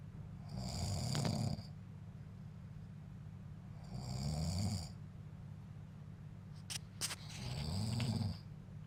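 Deep, buzzing snores on each breath in, about every three and a half seconds, with a brief click in the room.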